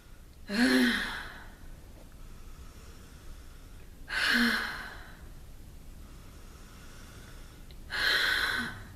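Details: Huff cough demonstrated after active cycle breathing, physical therapy airway clearance technique: three forceful open-mouthed breathy exhalations, each about half a second, a few seconds apart, to mobilize secretions.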